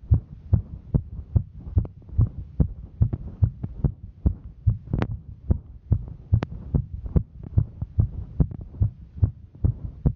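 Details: Female hiker during exertion; fast, steady, regular thumping at about 145 beats a minute; normal heart sounds during exertion.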